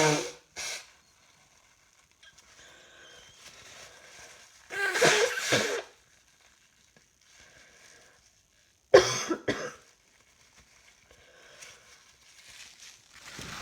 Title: Coughing clips while trying to work. Feeling rather hot today